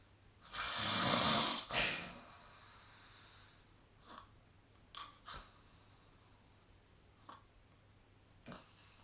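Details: Sleep recording, possibly with the SnoreLab snoring app: one loud rough snore followed by a few softer snorting breaths in a quiet room; snoring.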